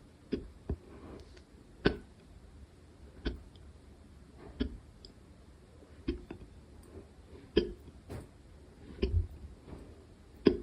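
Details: Hiccups recorded quietly late at night: soft, sharp hiccup sounds about every one to one and a half seconds, roughly eight in ten seconds.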